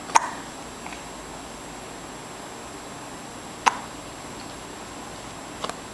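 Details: 3-month-old infant with hiccups: three sharp, brief hiccup sounds spaced a few seconds apart in a quiet room.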